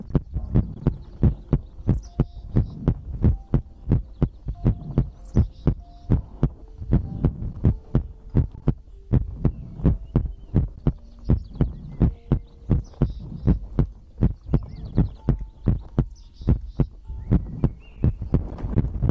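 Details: ASMR heartbeat and breathing recording for sleep: steady, deep lub-dub thumps at about 85 beats a minute over a low hum; a normal heartbeat.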